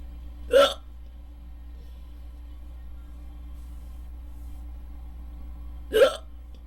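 Two sharp, abrupt voiced hiccups about five seconds apart over a steady low background hum; hiccups.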